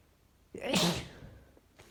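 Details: Person sick for three days: single explosive, hissing sneeze with a wet, noisy release, followed by a soft sniff; sneeze.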